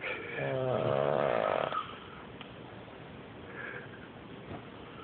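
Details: Snoring, Icy Hot tried as a snoring remedy: one loud, rough, vibrating snore on an in-breath, then quieter breathing against steady background hiss.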